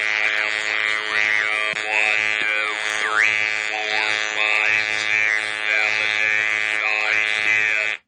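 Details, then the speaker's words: Adult reading a brief passage aloud with an electrolarynx held in front of the lips: a flat, mechanical buzzing voice at one fixed pitch, shaped into words by the mouth; electrolarynx speech. "Now, I'm going to read a brief passage for you with the electrolarynx held in front of my lips."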